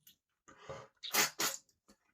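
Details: Male sneezing, attributed to dust in the nose: a quick intake of breath followed by two sharp, explosive sneezes in quick succession.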